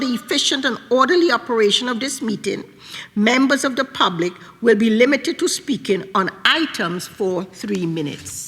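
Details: Adult woman speaking; normal voice.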